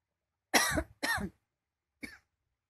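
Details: Three harsh, dry-sounding coughs, two close together and a shorter third after a pause, from a woman woken by coughing; the husband suggests dust may play a role.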